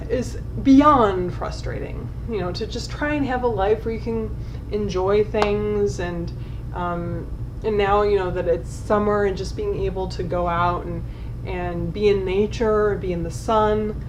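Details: Adult woman with generalized dystonia since about age 9, affecting tongue, jaw and lips, treated with DBS and speech therapy, tongue spasming when worked up: dysarthria from oromandibular dystonia.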